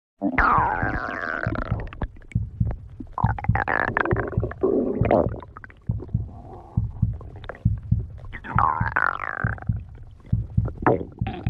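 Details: Stomach growling (borborygmi): loud, gurgling rumbles with sliding, squeaky pitches and rapid bubbling clicks.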